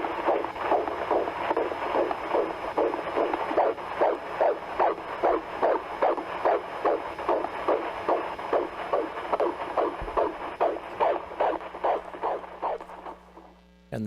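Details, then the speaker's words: Fetal heartbeat on ultrasound of a pregnant woman, performed early that morning and shown at a hearing: rapid, regular whooshing pulses, about 150 a minute. "theme of this bill is if a heart beat is detected the baby is protected Lincoln Glenn Miller and all little babies with heartbeats like that"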